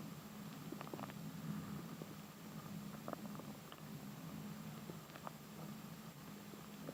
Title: Listening to my Baby Stomach Growl